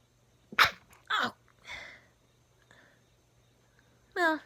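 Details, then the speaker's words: Several short, sharp bursts of air through the nose and mouth with quiet pauses between, then a final voiced burst; sneezes the person deliberately made themselves do, leaving a runny nose. "Bless me. That actually made my nose kind of runny, but I'm okay."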